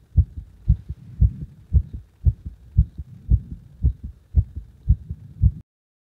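Strong, regular low heartbeat thumps at about 113 beats a minute, each beat forceful and distinct.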